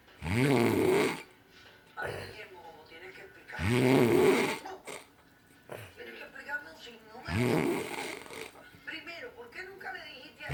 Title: Good old sleep, good old snore